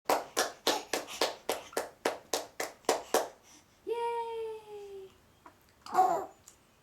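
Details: A young child gives a quick run of about a dozen light, even coughs; a doctor confirms it as a voluntary fake cough that she makes because she knows how to.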